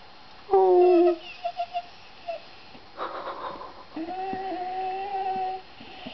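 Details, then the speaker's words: Female dog whining in pain with high, drawn-out whines and whimpers on the first day of recovery after her second surgery, a left hind-leg repair of a torn ACL (cruciate) ligament; the right knee was repaired months earlier. "she's not a happy camper she's still whining about it"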